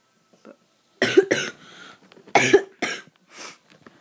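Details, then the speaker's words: Two bursts of harsh coughing, each a loud cough followed by a weaker second one, in a quiet room: a painful acute cough, described as burning, with a sore throat during illness in a person with asthma. "i don't hurt every time i cough it hurts feels like it's on fire"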